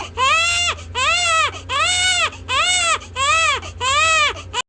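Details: Baby crying fiercely, recorded 18 July 2020: loud, strong crying in six rhythmic wails with short breaths between them, over a low background hum; infant cry.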